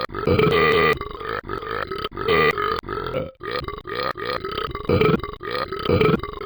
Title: drinks and burps too much